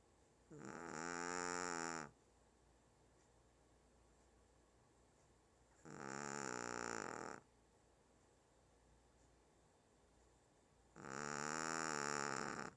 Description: My 1 yr old Shih tzu named Burnt SNORING LOUD.